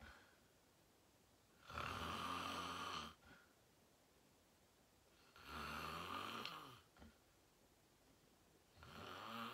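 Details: Loud snoring in an adult during deep sleep, said to have slept very well: steady, loud rasping snores on each in-breath, about 17 a minute, with quiet gaps in a still room.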